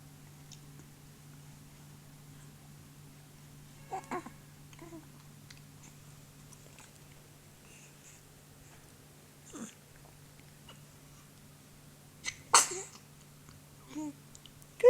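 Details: An infant boy, happy and smiling with his mother, sneezes in a brief sharp burst near the end amid a steady hum and soft infant sounds. He reportedly hits himself in the head with every sneeze.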